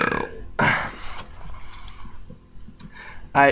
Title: Some more burps!